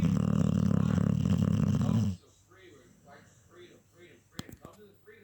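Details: Sleeping Staffy (Staffordshire terrier) dog: a loud, rattling, snorting breath followed by quieter snuffling breaths; snoring.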